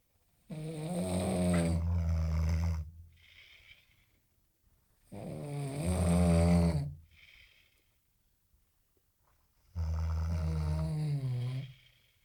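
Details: Snore competition between two third-year civil engineering students: loud, low vibrating snores on each inhalation, about 14 a minute, each followed by a softer breath out; adult snoring.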